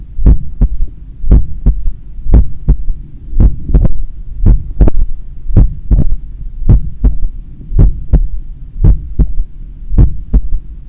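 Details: Self-recorded after an 8 km run, stethoscope at the point of maximum impulse over the apex: a loud, steady heartbeat about 55 a minute with a soft extra low thud after the second sound, a third heart sound (S3).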